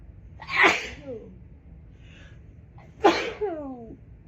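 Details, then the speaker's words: Adult woman with nasal congestion and allergies, possibly from dust, gives two forceful sneezes about 2.5 seconds apart after trying to induce them with an electric toothbrush and then a q-tip; sharp explosive bursts with voiced tails. "oh gosh big sneezes oh god okay i think i need to take a shower and try to wash some of this dust out of my nose"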